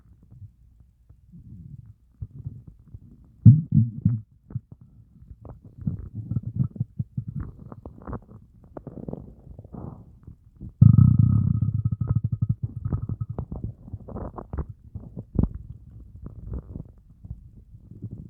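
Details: After fasting over 30 hours, a starving person's stomach growls: low, drawn-out gurgling and groaning rumbles with bursts of louder growling; hunger borborygmi, a normal finding.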